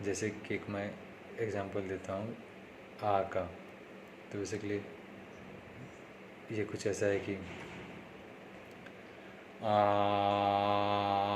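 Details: Male with self-reported stammering, following speech therapy tips in a daily practice series, day 3; stuttering.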